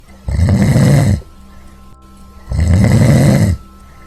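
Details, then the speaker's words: Two loud, rough, low-pitched snores on inhalation about two seconds apart, with a faint steady background tone; snoring. "Ni tú ni nadie pueden dormir con tus ronquidos aquí te dejamos algunos consejos para reducir los ronquidos y mejorar tu descanso y el de los demás"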